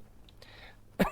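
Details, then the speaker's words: Adult still recovering from a recent illness gives a single short, sharp cough after a second of quiet room noise. "sorry if I sound sick I'm still getting over a sickness so that's why my voice sounds like this and if I cough from time to"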